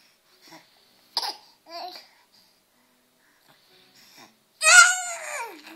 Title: coughing